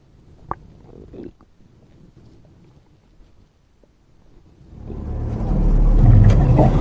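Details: Animated/fictional robot character (Bumblebee) with an upset fuel tank, lying down: a few soft clicks then a deep, loud, swelling gurgling rumble; simulated stomach rumbling.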